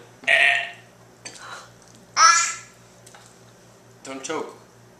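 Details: Young child and father burping, recorded June 2011: three voiced belch-like bursts with short pauses between, against a steady low hum.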